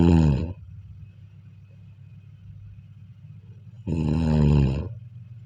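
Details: Sleep snoring: two loud, low, rattling snores separated by about three seconds of quiet breathing.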